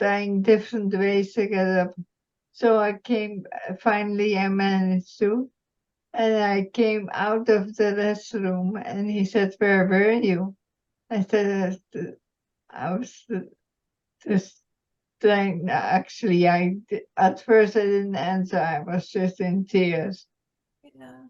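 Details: Woman, retired nurse, with multiple system atrophy, mainly parkinsonian type with some cerebellar features; speech symptoms began about two years earlier; reports some days with no voice at all; dysarthria (multiple system atrophy).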